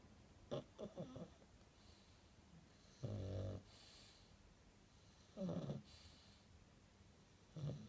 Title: Snoring dreaming Chihuahua returns....